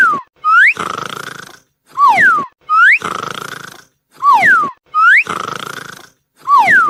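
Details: Sleeping dog snoring: regular rattling snores, about 27 a minute, each paired with squeaky whistling rising and falling tones.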